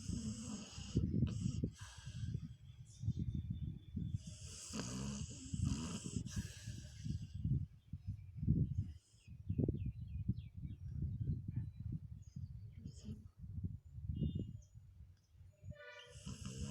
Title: Dog Snoring (Funny)